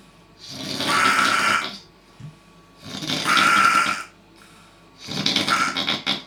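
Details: Loud, harsh, rasping snores repeating about every two seconds, three heard; heavy snoring.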